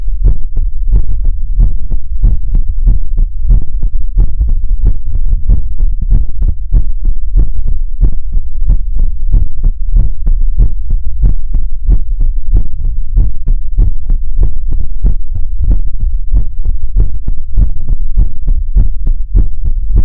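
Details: ASMR livestream heartbeat: loud, continuous, regular low thumps in quick paired beats throughout.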